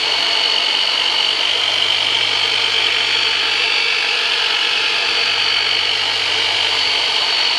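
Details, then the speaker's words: Chiropractic deep-tissue work on an adult with a percussive "turbinator" massage device, six months after L5 herniated-disc surgery and failed epidural steroid injections: loud, steady buzzing motor whine with fast vibrating pulses. "so I'm gonna pull out the heavy machinery on you we're going to use the turbinator on you for the very first time so just it's going to be some deep tissue work so just breathe and relax"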